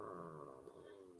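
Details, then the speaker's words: An adult's empty-stomach hunger rumbling: a low, drawn-out gurgling growl. "hear that that's my stomach it's like feed me"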